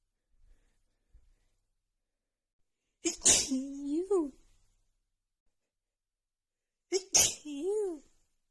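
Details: Woman's non-stop sneezing fit after about an hour outside in snowy cold, nose runny, with dust also blamed: two forceful sneezes in quick succession, each a sharp inward catch then loud voiced burst, quiet room.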